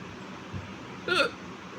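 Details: Woman with ongoing loud hiccups recording a hiccup vlog; a single sharp, loud hiccup with a brief voiced catch over quiet room noise.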